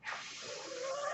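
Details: Man's own mechanical ventilator, heard while he records a podcast: a steady, soft airy hiss with a faint rising whistle and no speech, the ventilator's flow noise.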